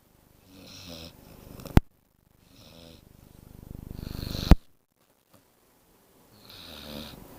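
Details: Low rattling snores on each breath in, with a sharp snort at the end of the first two, about 22 breaths a minute; ordinary snoring.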